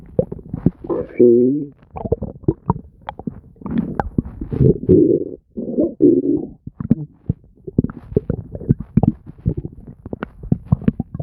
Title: Nonstop stomach gurgles and bubbling [Stomach noises]